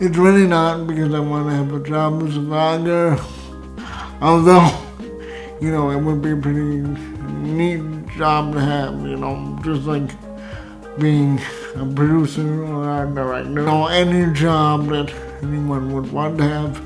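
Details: Hypernasal speech from dysarthria in an adult man with cerebral palsy, who says his uvula does not rise at the back of his throat; he also has pseudobulbar affect with involuntary laughing and crying.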